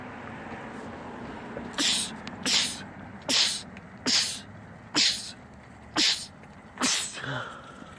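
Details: Sneezing fit from a compilation of men's rapid sneezing attacks: seven hissing sneezes about one per second, over a low steady background hum.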